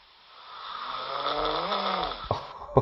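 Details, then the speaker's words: Self-recorded night-time sleep: one rising, buzzing, vibrating snore on inhalation ending with a click; ordinary snoring. "oh my God am I snoring at night this 10 seconds 1:00 a.m."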